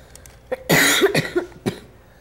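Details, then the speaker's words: A burst of several loose, wet productive coughs from a child with cystic fibrosis during airway clearance cycles with an oscillating PEP device (Acapella). "we want to do about 10 cycles of the pickle and then try to cough at the end try to hold your coughing if you can"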